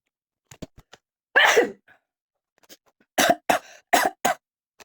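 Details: Person coughing onto a culture plate to compare cough vs sneeze bacteria: a few soft throat clicks, a strong single cough, then four short, sharp coughs in a quiet room; cough.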